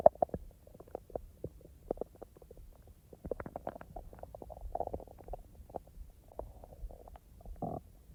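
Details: Real adult stomach sounds, edited and not in real time: quiet irregular gurgles, clicks and brief bubbling rumbles, with one longer gurgle near the end; ordinary bowel sounds (borborygmi).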